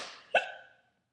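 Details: A single abrupt, brief voiced hiccup, fading out quickly, from a person smoking and drinking wine at 6:22 in the morning.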